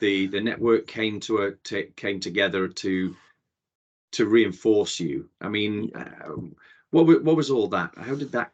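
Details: Adult male speaker; typical speech.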